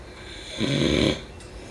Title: #snoring #sleepnoises #snoringasmr #snoringsleepingsoundeffect #sleepsounds